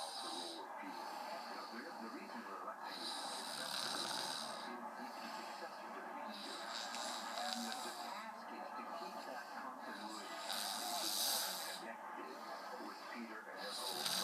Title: Weird snoring